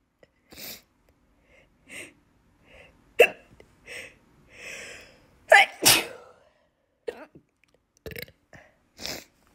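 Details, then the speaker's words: Several short, abrupt bursts, some sharp sneezes and others brief hiccup catches, spaced irregularly over about ten seconds; the person finds sneezing and hiccuping together hard and says it hurts their stomach; sneezing with hiccups. "Hiccuped and I lost my sneeze. It's really hard to have them together, like sneeze and hiccup."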